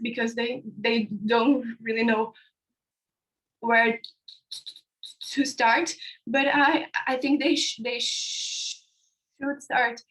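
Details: Young man from India describing his own stuttering (stammering) on a live panel of young people who stutter; stuttering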